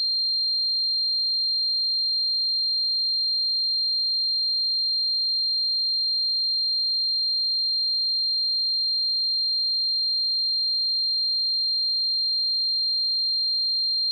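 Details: Sound-effect simulation of tinnitus: a steady, unbroken high-pitched ringing tone.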